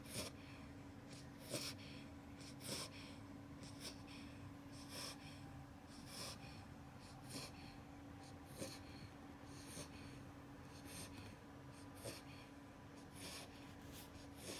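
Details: 8-week-old beagle puppy asleep in a superman pose: soft, regular snorting breaths about 50 a minute over steady room hum, light snoring.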